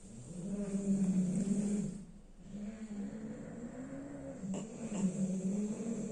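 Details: Sleeping bulldog snoring: loud, droning, buzzy snoring through both breathing in and out, with a short break in the middle.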